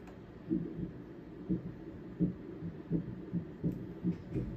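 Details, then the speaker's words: Ultrasound Doppler of the right hepatic vein, transverse intercostal, very superior near the liver dome, patient breathing after a breath-hold; soft pulsing whooshes about 85/min over hum, with artifact attributed to her heartbeat. "So we're getting a little bit of artifact. I think that's because of her heart beating, which we obviously don't want to stop."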